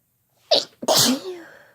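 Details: Two adults, a man and a woman, sneezing at the same time: a sharp in-breath then an explosive, hissing overlapping sneeze burst; ordinary sneezes.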